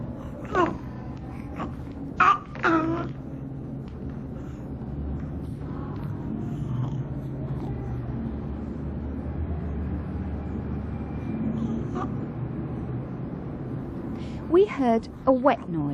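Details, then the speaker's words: Young child in a training exercise on identifying stridor: wet, snuffly noisy breathing on both breath in and out from a blocked nose, judged not stridor; nasal congestion. "was breathing in and out therefore we decided that did not have Strider but a blocked nose"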